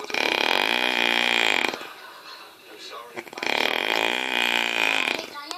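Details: Sleeping mother, noise described as her snoring: two long, loud, voiced croaking sounds, each nearly two seconds, separated by a pause; like prolonged burps.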